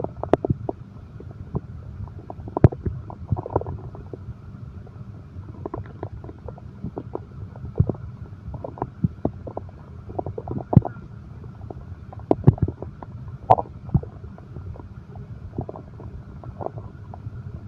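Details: Low gurgling and rumbling abdominal sounds with scattered clicks over steady low hum; ordinary stomach growling, presented as insomnia relaxation audio with heartbeat.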